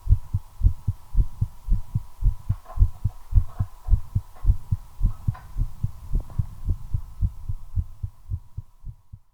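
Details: Own heartbeat recorded during cigarette smoking, accelerating from nicotine: rapid, regular thumps at about 110 beats a minute over a steady background hum; tachycardia (fast heartbeat).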